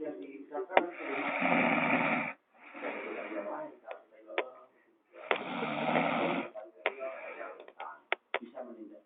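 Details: Snoring alongside a gecko: loud, rough snoring on each in-breath, long noisy cycles with gaps between, and sharp clicking gecko calls nearby.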